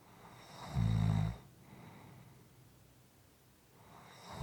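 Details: Soft, quiet snoring: a soft, low, rumbling snore on one breath, then a quiet pause and the start of the next breath.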